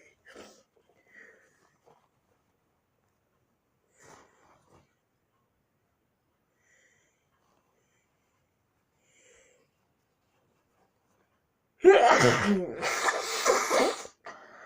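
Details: Near silence with faint breaths, then one person's loud, explosive sneeze with a second burst trailing off; sneeze.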